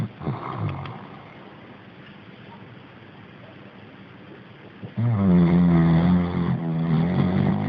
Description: Yes, you've read it right, this is it: Obi snoring:) But he is 11, so we forgive him :D